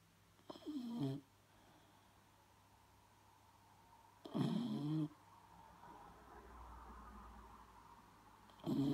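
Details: Three short rasping snores about every 4 seconds, roughly 15 breaths a minute, from a dog that snores even when awake; snoring.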